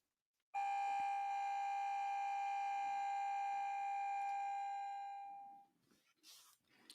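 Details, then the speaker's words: MRI scanner sound in a sound-art workshop: steady bright electronic tone held about five seconds, then fading, with faint room noise; MRI scanner tone. "make the same noise but change the shape of your mouth this time and that's the sound of an mri"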